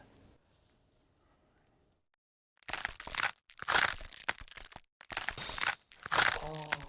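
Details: Loud, irregular crunching and grinding bursts from a moving knee: knee crepitus.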